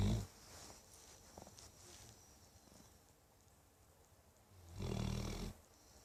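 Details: Sleeping dog snoring like an old man: low, rumbling snores, one at the start and a longer one near the end, with quiet breathing between.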